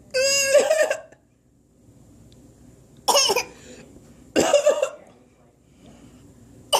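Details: A son coughing. He has been sick for 3 days with an unknown illness.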